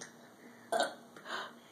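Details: Girl encouraged by an adult to burp after a drink and say excuse me: a short voiced belch followed by a softer second one; burping.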